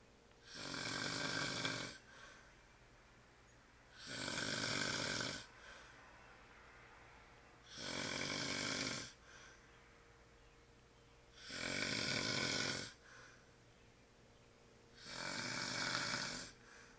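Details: Shirtless adult man snoring during sleep, tagged with sleep apnea: loud, harsh, rattling snores on each breath in, regular at about 17 breaths a minute, with quiet breaths out between.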